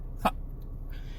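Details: Vocal tic, a shouted expletive, from a Texas man with Tourette syndrome; vocal tic.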